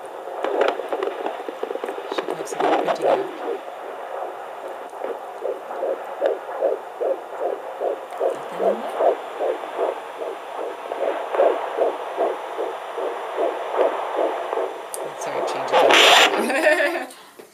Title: Fetal Doppler 14 weeks 4 days